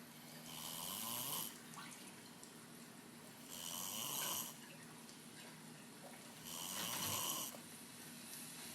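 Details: Adult snoring during sleep: three slow, rasping snores about three seconds apart, roughly 20 breaths a minute.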